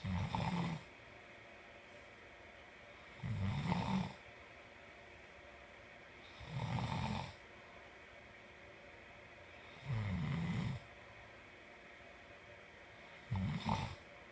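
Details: Man snoring: low, rumbling snores on each breath in, about 19 a minute, with quiet pauses between them.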